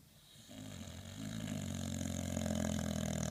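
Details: Snoring during sleep: a low, rumbling, fluttering snore that builds in loudness over one long breath.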